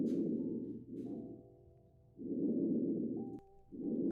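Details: Simulated (nursing vSim) post-operative patient, stethoscope over the right upper lobe: soft, regular whooshing breath cycles with no added sounds; normal breath sounds.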